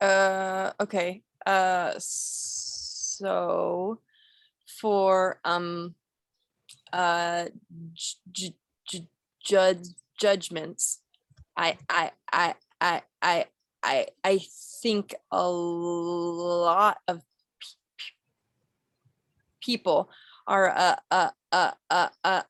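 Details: Role-played (acted) stuttering by a female client in a clinical skills therapy scenario, with word repetitions, part-word repetitions and interjections.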